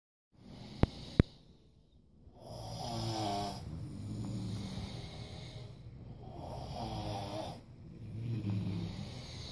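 Repeated low, rattling snores on each in-breath, about four over several seconds, after a couple of sharp clicks; typical snoring.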